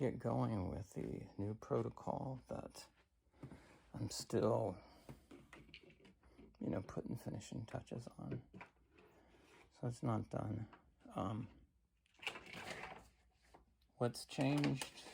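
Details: Adult man with cancer and a bile duct stent that his doctor says needs clearing more often; weak creaky voice lacking strength, which he says is typically worse in the morning.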